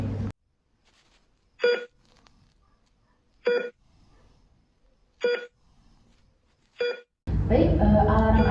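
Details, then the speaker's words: Four clear electronic beeps about every 1.7 seconds during an alarm function check of a mechanical circulatory support device running 3,200 rpm at 4.5 L/min flow on an adult male ICU patient, in a nursing roleplay. "Ee setelah ini pastikan untuk alarmnya berfungsi dengan baik dan sensornya juga berfungsi dengan baik."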